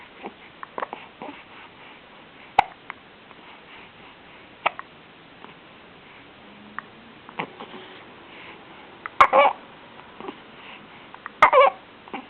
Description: Too...much...egg nog.